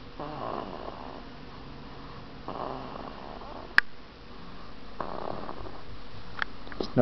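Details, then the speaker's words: Baby girl sleeping on her father's tummy, March 2009: soft, low, rumbling snores with each breath, spaced a couple of seconds apart, over faint room noise; snoring. "oh my baby girl thanks for making noise when she sleeps"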